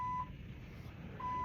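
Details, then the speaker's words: Repeated steady high-pitched alarm tones from a bedside monitor, triggered when the patient moved his elbow, over room noise; patient hospitalized with fever and suspected infection, arterial line and ports placed. "I'm gonna move this elbow too much it's a signal that and then we got alarms"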